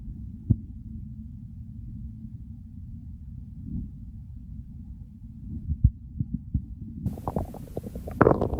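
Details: Hunger segment of a recording that follows the stomach from hunger to overfull and bloating: deep muffled rumbling with scattered low thuds and gurgles, louder near the end, normal hunger borborygmi.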